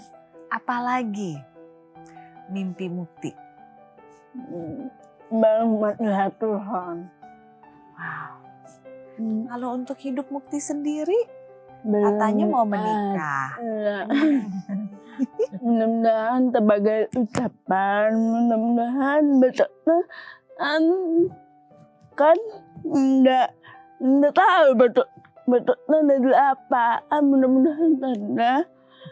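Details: Dysarthria in a young woman with cerebral palsy from birth, with speech difficulty since childhood; she was once nearly unable to speak and improved after childhood practice with her grandfather.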